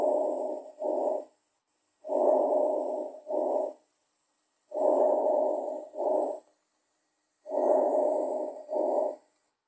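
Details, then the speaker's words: Diminished vesicular breath sounds over the lung, from a semiology lesson on pulmonary examination: soft, muffled, very quiet breath sounds in a steady rhythm. "e agora eu vou colocar o número vesicular diminuído ele é bem baixinho talvez alguém vai ter que aumentar o som para poder escutar"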